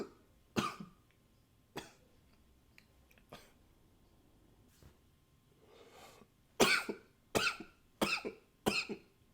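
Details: Recorded with a new high-fidelity microphone: eight or so sharp coughs, spaced apart at first, then a closer run near the end, in a quiet room; repeated coughing.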